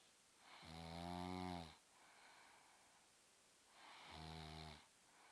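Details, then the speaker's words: Woman snoring at night, recorded by someone who couldn't sleep: two slow, deep, buzzing snores on the in-breath with soft breathing between. "there snoring, I got up to turn on the light because I couldn't sleep."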